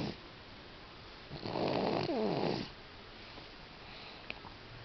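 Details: Single loud, rattling snore of about 1.5 seconds rising out of quiet room noise, during sleep at 6 months of age.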